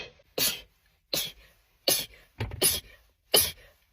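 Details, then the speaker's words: Person in a rapid-sneezing compilation: five quick, sharp sneeze bursts in under four seconds, each a sudden hissing explosion followed by a brief trailing breath; rapid sneezing. "It really scares me when I drive and I sneeze cuz ladies don't feel like fighting."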